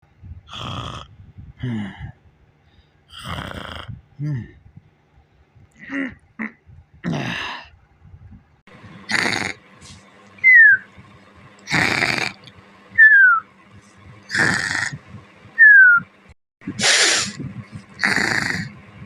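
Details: A sleeping animal, described as snoring and purring, makes short snorting breaths with soft whistling notes, about 23 a minute; snoring.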